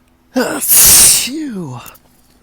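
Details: Ragweed-pollen allergy sneezes after a long ticklish build-up with hitching gasps: a voiced intake, then a loud, hissing, drawn-out wet sneeze with a falling vocal tail; a forceful single sneeze in a series.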